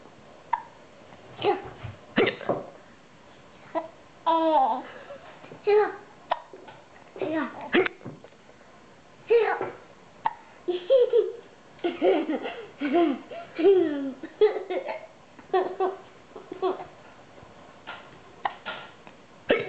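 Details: Child with hiccups while laughing: several sudden short voiced catches over about twenty seconds, mixed with giggling and babble.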